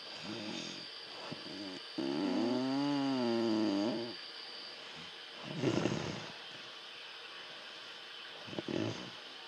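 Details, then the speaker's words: Sleeping dog snoring all night: nasal snoring breaths including one long drawn-out wheezy snore over steady room hum; snoring. "all night I had to listen to this shit."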